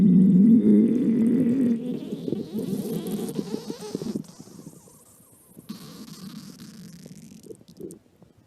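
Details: Stomach growling: a long low rumbling gurgle with a groaning quality, fading into softer bubbling; ordinary borborygmi.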